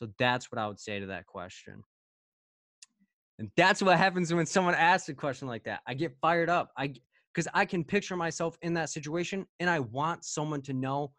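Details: Adult male speaker; Normal voice.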